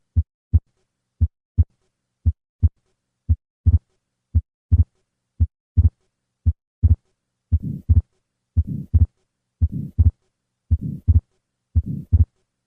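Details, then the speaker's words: Atrial septal defect: fixed split S2 from delayed pulmonic closure and a soft systolic flow murmur across the pulmonic valve; regular rhythm near 57 a minute. "The fixed splitting of the second heart sound is caused by prolongation of right ventricular ejection. This results in a pulmonic closing sound which is noticeably later than the aortic closing sound."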